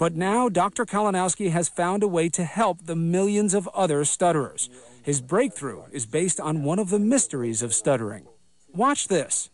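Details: Adult narrator; no speech disorder.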